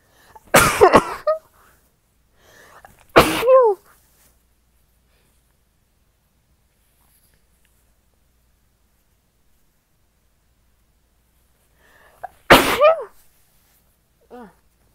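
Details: Sneezing with a cold: three loud, explosive sneezes, each with a short voiced tail, separated by quiet pauses in a small room.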